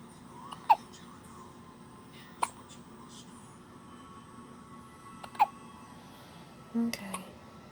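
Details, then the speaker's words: Baby girl, very small and young, with hiccups right after feeding: three short, sharp hiccups seconds apart with a soft baby sound near the end, over quiet room noise. "Got done eating. She got the hiccups."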